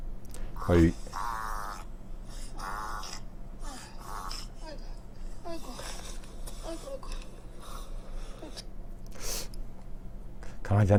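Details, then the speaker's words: A dog's repeated dry, honking goose-like cough, a typical dry cough; the vet attributes it to narrowing of the airway, mainly the trachea or bronchi. "이런 소리가 날까 어 하는 정도로 마치 거의가 우는 소리가 나는 강아지가 있는데 역시 이것도 전형적인 마른 기침 있니다 아 강아지가 이런 마른 기이 을하는 이유는 원인이 호흡 기도가 좁아졌다"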